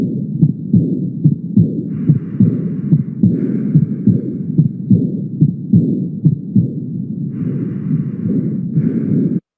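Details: Auscultation at the aortic focus, where aortic regurgitation is heard best, in diastole: an aortic regurgitation murmur.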